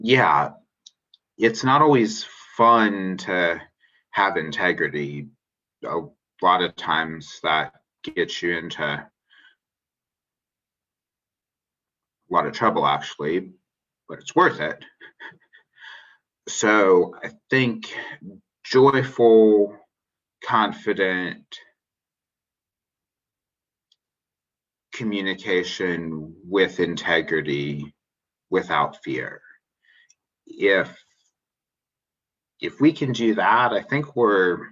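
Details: Adult man who describes himself as a person who stutters, speaking spontaneously in a podcast interview; finding: stuttering.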